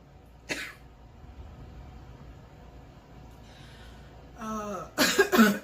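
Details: Girl, not a smoker, with a cough all morning and a burning feeling; a sharp cough, then a rough throat clear and a burst of several quick coughs, a coughing fit.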